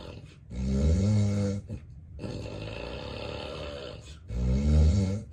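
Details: Real, unacted daytime nap recorded in bed by a person with daytime sleepiness: loud, deep, rattling snores with softer noisy breaths between them, snoring in obstructive sleep apnea.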